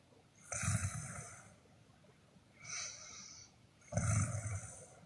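Three rough, rattling breaths about a second and a half apart in a quiet room, typical snoring.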